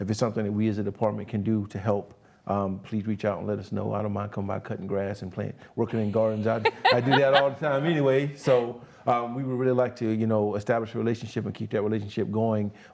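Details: Adult man speaking; normal speech.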